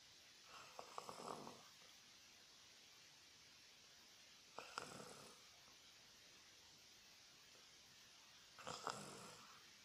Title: Roncando